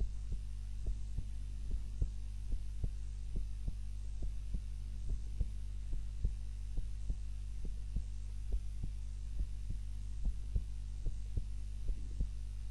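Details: Heart sounds recorded during a daytime nap with a timer, lying on the back (supine) rather than the usual prone position: steady soft heartbeat about 70 a minute over a low hum; normal resting heart sounds.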